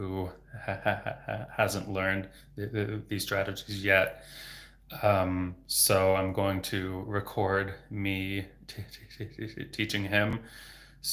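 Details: Adult speech-language pathologist who stutters, speaking while using fluency techniques (stretched vowels, continuous voicing), with words still getting stuck at times and word repetitions; stuttering.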